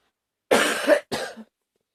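Two harsh explosive coughs in quick succession, part of a coughing fit.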